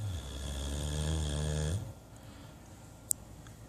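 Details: Snoring from George, a Great Dane: a deep, low, rattling snore lasting under two seconds, then quiet breathing.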